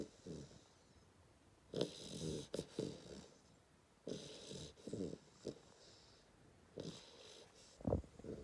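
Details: 10-week-old Hungarian Vizsla puppy snoring: soft, irregular rasping snores with snorty breaths in a quiet room.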